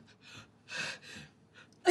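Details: A female gives an unusual-sounding sneeze: short breathy intakes build to a hissing burst, followed by a second softer burst. She felt fine afterward.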